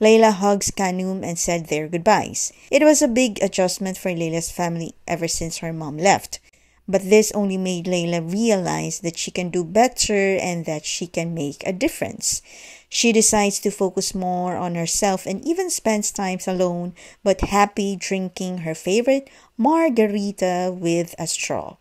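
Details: Adult female narrator; normal speech.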